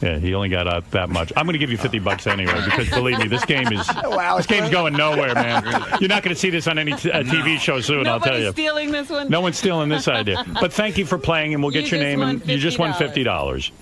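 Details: Adult male speaker; typical speech.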